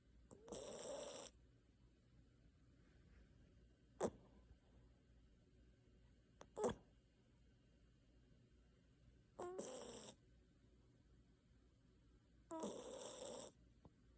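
Short, hissing, snorting breath noises recurring in a quiet room, with a few faint clicks: light snoring during sleep.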